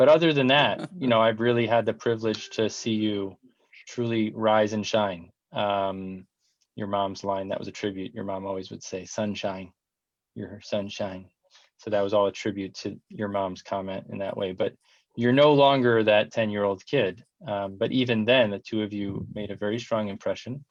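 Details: Adult male speaker; normal speech.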